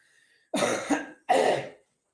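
Two harsh, husky coughs in quick succession from an adult with laryngitis.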